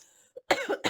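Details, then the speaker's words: A single short, sharp cough from a speaker who says their voice is hoarse, heard during a spoken recording and followed immediately by speech. "pardon j'ai la voix enrouée pardon"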